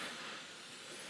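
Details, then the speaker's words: Airvo high-flow nasal cannula running at 60, worn by the speaker: steady, strong hissing rush of air with breathing underneath, flow giving dynamic pressure to stabilize the airways; high-flow nasal cannula airflow. "now, as you can hear me breathing, there's a lot of flow, and this flow helps to provide a dynamic pressure to help stabilize the airways open."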